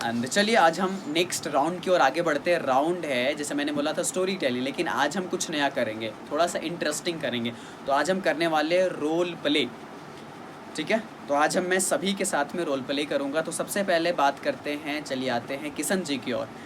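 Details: Adult male speaker; Normal fluent speech.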